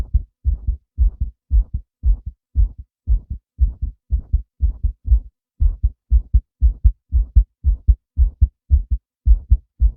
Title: male heartbeat sound 1